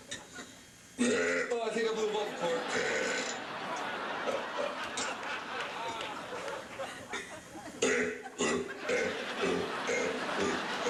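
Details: Man singing in Spanish and burping, replayed from a television home-video show: loud drawn-out belching mixed with talking and laughter over noisy room sound.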